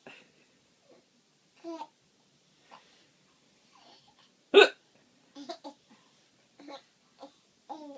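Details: Mother has the hiccups: one sharp, abrupt hiccup among a young child's soft babbling and small vocal sounds.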